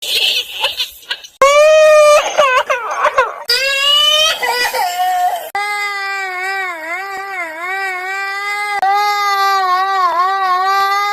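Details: Loud, sustained, high-pitched wailing cries from an infant with brief breaths between them: infant crying.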